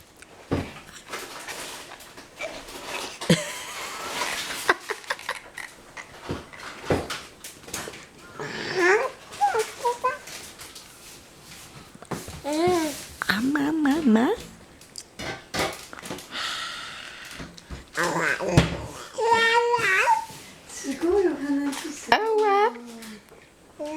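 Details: Teeth grinding (bruxism) in an infant girl: short, gritty scraping bursts, then soft cooing vocal sounds.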